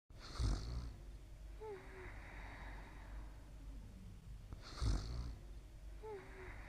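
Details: Two soft snoring breaths with a faint whistle on the out-breath from a sleeping cat; quiet ordinary snoring.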